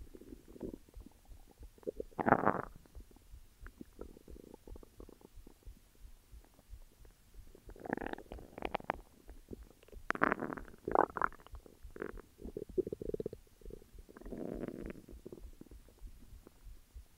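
Intermittent gurgling, squeaky rumbles, some louder bursts: ordinary stomach growling, a normal bowel sound.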